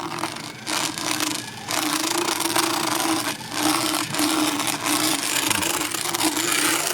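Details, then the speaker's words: Horse about 10–12 years old, equine dental power float filing the lingual hook on the very last molar: buzzing motor hum with grinding and rattling bursts. "And right now I'm currently working on that lingual, that inside hook on the very last molar."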